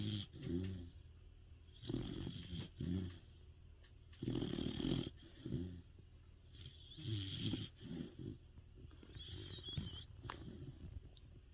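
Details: Large dog (Sapsali breed) sleeping, with loud, low rumbling snores in repeated bursts with irregular spacing; ordinary dog snoring.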